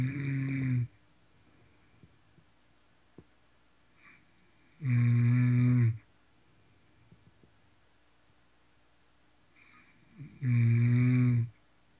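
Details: Person snoring hard: loud, low, rumbling snores about a second long, each followed by several seconds of quiet breathing, roughly eleven a minute; heavy snoring.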